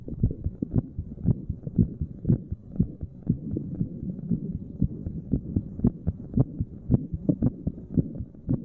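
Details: Resting heartbeat while sitting, recorded at various random chest spots by a layperson: steady low thumping about 58 beats a minute in paired beats, with some rubbing noise; normal heart sounds.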